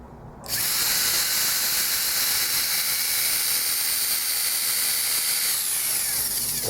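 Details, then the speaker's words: Dental implant osteotomy for a hammerless crestal sinus lift with a Blue Sky Bio kit on a plastic teaching model: steady high-pitched drill whine as an osteotomy bur runs continuously, with depth stops in use. "so as you can see we've started our osteotomy pretty well centered"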